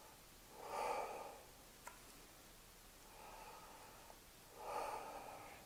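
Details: Stethoscope auscultation of the anterior chest at the second intercostal space over the upper lobes, with the patient breathing deeply through the mouth: slow, deep, airy breaths, no wheeze or added sounds.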